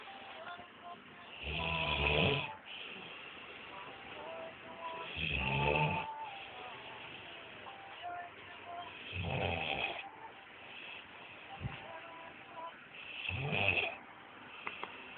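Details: Loud, rattling snores on each breath in, about 16 a minute, with quiet breathing between and faint background sound: snoring.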